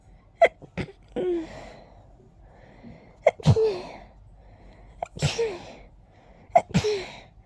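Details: Pollen sneeze attack after an itchy nose all day: three forceful sneezes in quick series, each preceded by a sharp inward catch of breath; a rapid sneezing fit.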